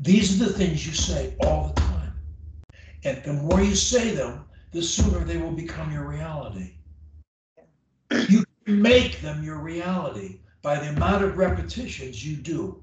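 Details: Adult man; fluent speech.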